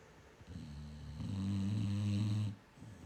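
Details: Female dog asleep, whose owner says she snores like this all night long: a single long, low, droning snore with a rough, buzzing tone.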